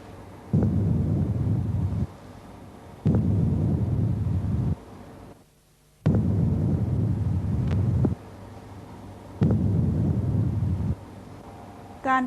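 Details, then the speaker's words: Soft, low rustling breath sounds with longer inspiration and faint expiration, heard with the stethoscope diaphragm at both lung bases of a normal person: normal vesicular breathing. "ส่วนที่ชายปอดทั้ง2ข้างเราจะได้ยินแต่vesicularbreathsund"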